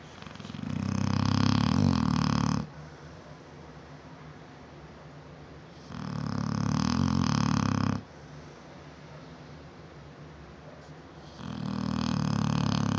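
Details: 7-year-old female Neapolitan Mastiff sleeping, loud enough to hear throughout the house: deep, rumbling snores, three long breaths over thirteen seconds, about 14 a minute, with quieter breathing between; snoring.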